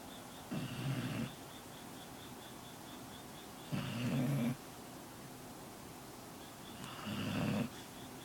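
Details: Three low rumbling snores at about 19 per minute, with steady pauses between, from a sleeping pet dog over faint room hum; snoring.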